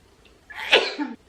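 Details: Young woman sneezing repeatedly: a single sharp, explosive sneeze after a brief quiet lead-in; sneeze.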